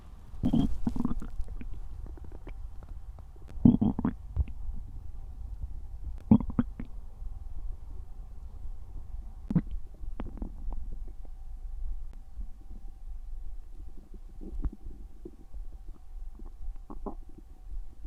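Low gurgling and rumbling bursts at irregular intervals over a quiet background, typical ordinary stomach growling.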